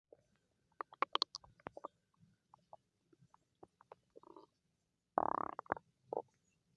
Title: Stomach growling~ for you♥